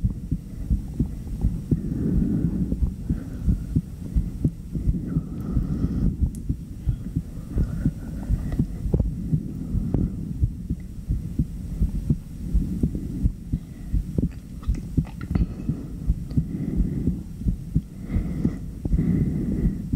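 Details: Fast, strong heartbeat heard through a stethoscope after jumping jacks, about 87 beats a minute, with breathing swells; normal heartbeat after exercise.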